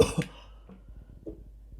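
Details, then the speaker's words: A single short, deliberate adult cough, then quiet room noise, recorded live by an Arduino Nano RP2040 Connect running an Edge Impulse TinyML cough detector, which reported cough detected. "so then uh if I cough then I will expect you to see the inference uh detecting a cough so this is how I do it recording so it's I'll say that it's cough detected with an accuracy of 0.8 again I will do this"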